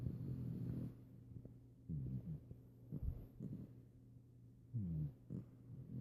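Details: Puppy frequently snores during naps: low, rumbling snores, about four noisy breaths with quiet pauses between them; ordinary snoring.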